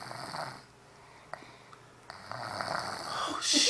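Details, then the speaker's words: 5-year-old child snoring loudly while asleep, mouth open: loud, rough, rattling snoring, with some background talk. "That's a 5-year-old snoring, too. Damn. Close your mouth,."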